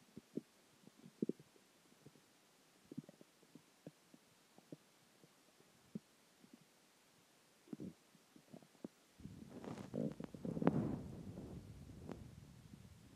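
Scattered soft pops and clicks, then a longer bubbling rumble: ordinary stomach growling from food, water and gas.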